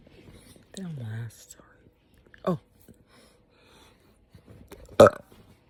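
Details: Woman after eating too much spicy food, GI upset, burping and hiccuping together: a long, low, voiced belch, then a short rising gulp and a sharp burst; burping.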